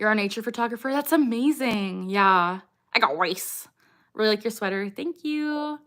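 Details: Young woman with Tourette syndrome who says she tics until falling asleep and can suppress tics only with difficulty; repeated phrases occur among normal speech during a livestream; vocal tics (Tourette syndrome).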